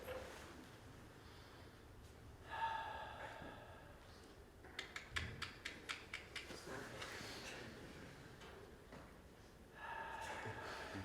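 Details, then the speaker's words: Adult man with Tourette syndrome, a comedian speaking live to a school audience: sudden snorting and gasping sounds with a rapid run of sharp clicking noises against room noise; vocal tics. "growing up having Tourette's was really hard was really difficult I hated it cuz I couldn't control it I would grunt so hard that I would ruin my voice box"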